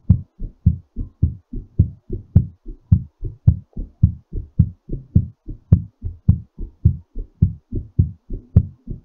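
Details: Strong, regular low-pitched heartbeat at about 107 beats per minute, quickened while recovering after exercise.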